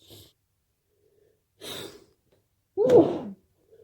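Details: Late-night sneezing fit from a cold: woken by a strong nose tickle, sharp indrawn breaths build to a forceful voiced sneeze muffled into a pillow in a quiet room.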